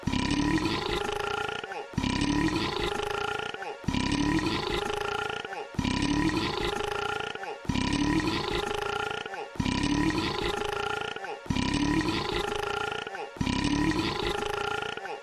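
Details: A steady run of long, deep belches, about eight in fifteen seconds, each lasting nearly two seconds and separated by short breaths: repeated burping.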